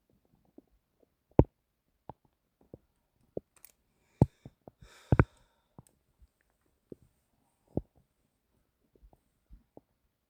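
Scattered gurgles and pops against near silence, one longer bubbling gurgle midway; ordinary bowel sounds.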